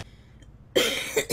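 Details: Girl who says her throat hurts a lot, on a live stream; one loud, harsh cough burst after a short quiet stretch.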